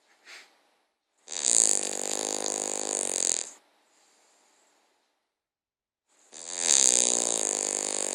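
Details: A sleeping King Charles Cavalier snores while dreaming: long buzzing, rattly snores, about two seconds each and roughly 12 a minute, with a faint soft breath between; ordinary sleep snoring.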